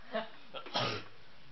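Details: A friend with hiccups, who also has a cold and coughs, gives a short voiced catch followed by a brief throaty burst in a small quiet room.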